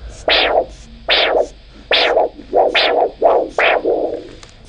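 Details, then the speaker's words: Handheld Doppler (Dopplex) over the brachial artery during cuff deflation for ankle-brachial pressure assessment in leg ulcer work-up: rhythmic whooshing arterial pulse sounds, about 73 a minute, each a sharp rise then fading tail; return of sound marks brachial systolic pressure. "the point at which the sound returns is the brachial systolic pressure which is then recorded"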